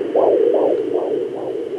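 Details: Fast, regular whooshing fetal heartbeat of about 150 a minute, heard on a home fetal Doppler with aloe gel at 18 weeks of pregnancy. It is set apart from maternal heartbeat and placental sounds.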